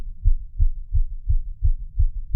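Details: Soft, regular low thumps about 170 a minute, in boosted audio: a heartbeat picked up by a microphone.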